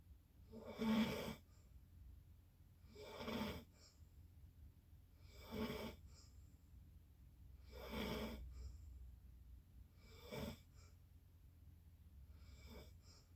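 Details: Loud, rattling snores on each breath in, about 25 a minute, with quiet breathing out between them, recurring: ordinary sleep snoring.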